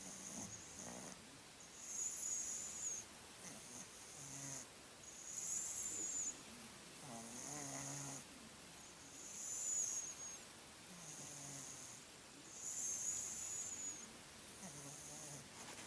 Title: Snoring Cat